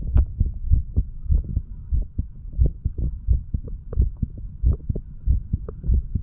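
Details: Self-recorded heart sounds of a 35-year-old man while standing, taken over the mitral, tricuspid, pulmonary and aortic areas and the right ventricle: steady, regular beat at about 90 a minute, clear low first sound and softer second sound; normal.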